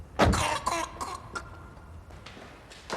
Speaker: an infant it is a constant fight for breath that can last for an agonizing and stressful 12 weeks